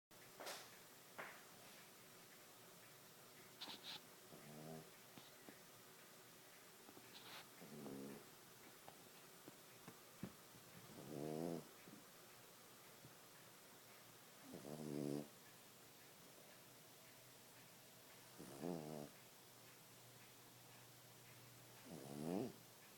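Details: Snoring: soft, fluttering snores at a slow, steady pace of about 16 a minute, with quiet pauses between them.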